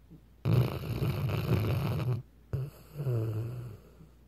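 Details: Weimaraner dog snoring: two low, rumbling snores, a long rattling breath in, then a shorter, softer one after a brief pause.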